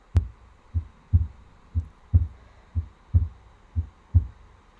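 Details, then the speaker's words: Normal heart sounds on an auscultation simulator: regular paired sounds about 60/min, heard sequentially at mitral, aortic, pulmonary and tricuspid auscultation points, all normal. "в точке выслушивания трикуспидального клапана здесь была норма"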